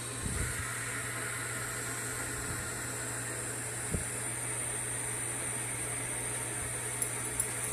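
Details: CPAP machine running, a German Shepherd frightened by it: a steady airy hiss with a low motor hum.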